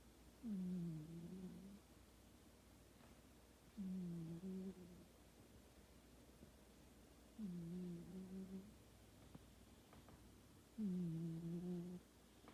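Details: Sleeping cat snoring: soft, low, slightly tonal snore bursts, about 18 breaths a minute.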